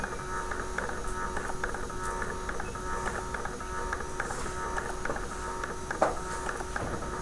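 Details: Non-invasive blood pressure unit tested with a SimCube simulator set for a low measurement during alarm testing: mechanical ticking and whirring with soft valve clicks as the cuff deflates; blood pressure cuff deflating.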